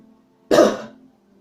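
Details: A single short, harsh cough or throat-clear from an adult who says their voice is hoarse, over soft background music.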